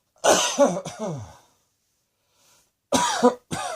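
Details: Several harsh, forceful acted coughs in two short bursts separated by a pause; a deliberate imitation of coughing.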